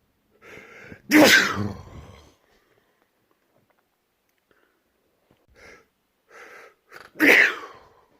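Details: Two loud, explosive sneezes, each preceded by short gasping in-breaths, in a quiet room, from a compilation of one person's own sneezes recorded over three months.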